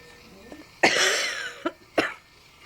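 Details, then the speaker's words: Clear voluntary cough from a patient two to three days after heart surgery, done during physiotherapy breathing exercises: one strong and two shorter coughs, with no rattle. "Right, that's fine, that sounds clear."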